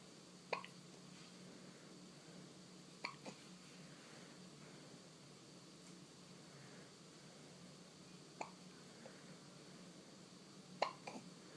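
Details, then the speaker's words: Hiccups recorded in a hospital: four sharp, brief hiccups at irregular intervals over about twelve seconds, against a steady low room hum. "funny hiccups."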